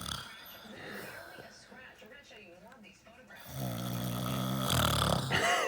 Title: Snoring mom